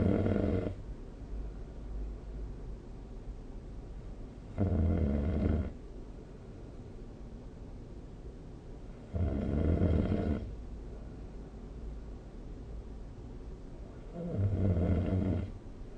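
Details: Snoring recorded during sleep with the SnoreLab phone app: rough, rumbling snores on each breath, about 15 a minute, over steady room noise; loud snoring.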